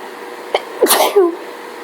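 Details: Quick inward catch of breath, then one sharp sneeze and short voiced tail, over room hum, during a hay fever allergy fit; sneezing (allergic rhinitis).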